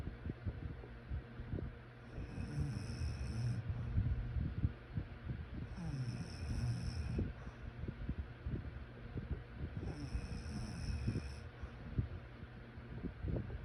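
Low, rattling snores about every four seconds, roughly 15 breaths a minute, in a quiet room; ordinary sleep snoring.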